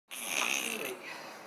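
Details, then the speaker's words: A cat named Midnight snoring loudly while asleep. "It's the man, midnight. Snoring like crazy."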